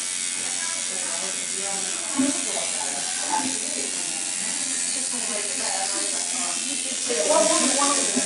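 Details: In-office RejuvaPen microneedling pigmentation procedure for unwanted coloration and scarring on a woman after topical numbing: a steady high-pitched buzzing motor hum from the running microneedling pen, with faint voices in a small room.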